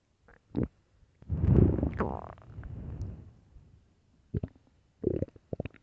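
Loud, long gurgling rumble with short bubbly pops before and after; hunger stomach growling, a normal bowel sound.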